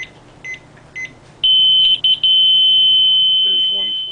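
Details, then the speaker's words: Zoll M series defibrillator monitor on a simulator during semiannual inspection, high heart rate alarm set at 115 and simulator raised to 120: soft beeps, then a loud sustained high-pitched high-rate alarm. "so now we're going to set this at 120 and it should go off when it hits"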